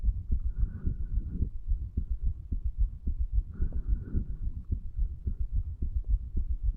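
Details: 35-year-old male's heartbeat recorded at the tricuspid valve area, placed lower than usual, under the effects of medical marijuana and nicotine: heart sounds.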